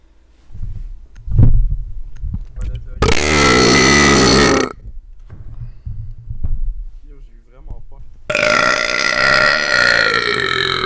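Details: Gamer burping while gaming, about 29 burps in two minutes: loud, prolonged, deliberately forced belches with low rumbling, separated by brief talk; repeated burping.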